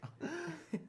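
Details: Two or three short, voiced cough bursts, close to throat clearing, from an adult male fighter after heavy training, who is coughing in front of the microphone in a small quiet room; cough.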